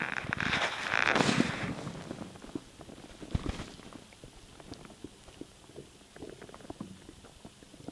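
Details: Stomach noise after swallowing air; gurgling, bubbling abdominal sounds loudest early, then fading to scattered small pops; ordinary borborygmi.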